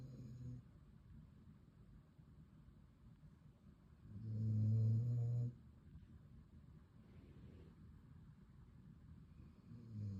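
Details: Dog snoring while leaning on its owner's leg during a relaxed snuggle: one loud, low rumbling snore against quieter breathing and room noise; snoring.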